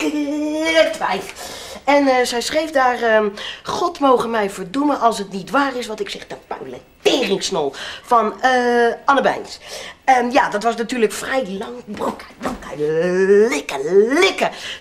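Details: Vocal tics with interjected swearing (coprolalia); Tourette syndrome.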